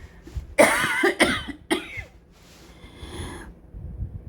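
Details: Sick adult with COVID-19, coughing despite a prior breathing treatment, while talking: cough.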